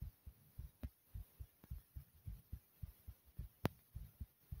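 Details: Fast, regular low thumping heartbeat at about 107 beats a minute after jumping in place for a few minutes; a fast but normal rate after exercise.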